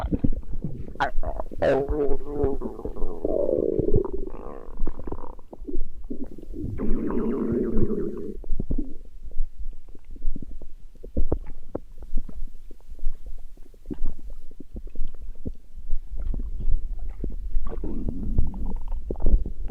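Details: Stomach growling: loud, drawn-out growls and gurgles with bubbling pops in between; ordinary borborygmi.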